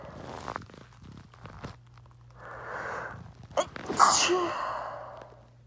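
A rising intake of breath, then one forceful explosive sneeze with a trailing exhale; a single ordinary sneeze.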